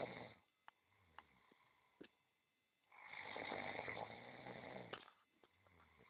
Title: Fantastic massage puts cat snoring